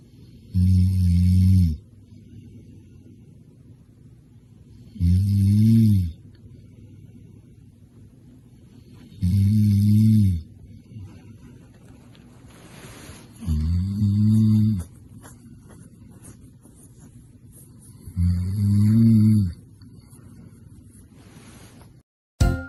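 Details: Middle-aged man snoring: loud, low rumbling snores recurring regularly at about 14 per minute, with quiet exhalations between them.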